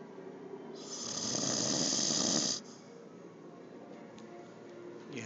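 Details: One loud, harsh, rattling breath sound lasting about two seconds over quiet room noise, from a man who claims he doesn't snore: snoring.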